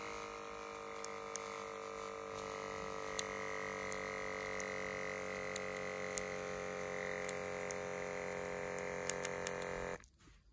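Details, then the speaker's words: Checkme BP2A upper-arm automatic blood pressure monitor on the left arm: steady pump hum as the cuff inflates, with faint clicks, cutting off abruptly near the end; reading a little high after talking. "we press the power button it turns on after a couple of seconds you press the start again"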